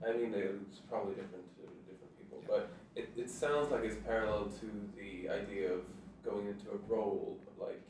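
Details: Adult man speaking; conversational speech.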